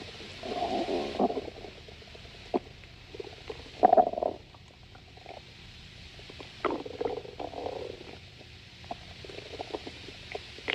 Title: Leo's stomach growling